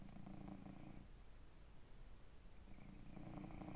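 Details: 16-year-old cat fully relaxed, asleep on a sunny windowsill: low rumbling, rhythmic breathing with rattly inhalations blending into a purr-like sound; snoring.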